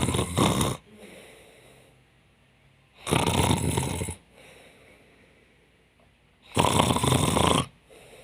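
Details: Simulated snoring: a woman pretending to sleep fakes snoring to see Jonathan's reaction, with three loud, harsh, snorting snores and quiet gaps between.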